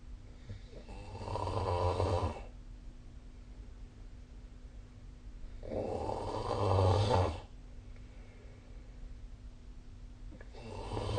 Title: 🐽 Snoring Sleep Sound / いびきの音